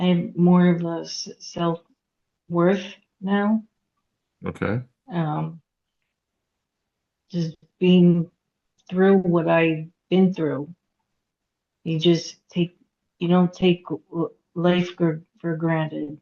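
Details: Aphasia in a woman after hemorrhagic stroke at age 36 in 2018; couldn't talk for 2 years, had 2 years of speech therapy; still has trouble getting her point across, reading and writing.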